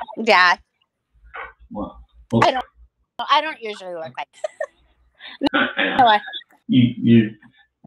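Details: Aphasia in an adult woman after hemorrhagic strokes, including two from a carotid artery tear. She could barely talk and relearned speech with a speech pathologist through singing. She still sometimes cannot speak.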